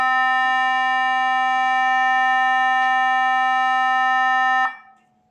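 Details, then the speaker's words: Continuous steady beep from a charged Nihon Kohden biphasic manual defibrillator whose shock was not delivered, cut off abruptly by an automatic safety discharge of the stored energy; defibrillator charged alarm. "अभी आप देखिए, भाई alarm करता रहेगा, alarm ये एक continuous beep देगा आपको कि चार्ज है मशीन, डिस्चार्ज कीजिए, और दोनों इंडिकेटर भी चलते रहेंगे आपके डिस्चार्ज के।"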